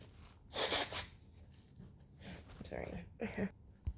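A sharp, hissy burst of sneezing early on, followed by a few softer breathy sniffs and snorts.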